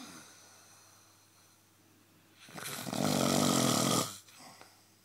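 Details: A single loud, rough, rattling snore on an in-breath lasting about a second and a half, with quiet breathing around it, from a sleeping person whose partner complains about it; snoring.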